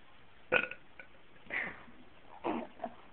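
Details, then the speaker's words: Person burping on command: three or four short voiced belches within about three seconds in a quiet room; repeated burping. "this is burping on command I be able burn my ABCs I don't think I can do it anymore"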